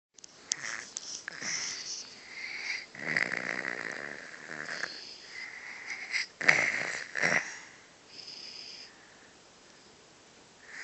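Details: Snoring: irregular soft snores with whistling, wheezy nasal breaths and sniffs.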